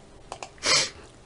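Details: Ill person with a badly blocked nose and a sore, aching eye: two faint catching breaths, then a single short hissing burst; one sneeze.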